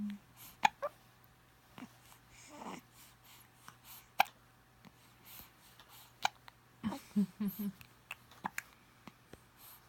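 Faint, short catching sounds repeat irregularly over a quiet room with low hum, fitting an infant's hiccups.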